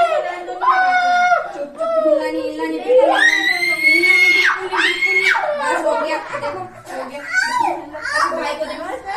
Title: Child injection || kids injection cry || injection shot